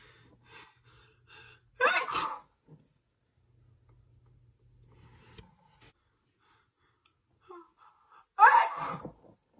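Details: Two sharp, explosive sneezes, each preceded by a quick inward gasp, in a quiet room, part of a sneezing fit lasting over two minutes on camera; sneezing.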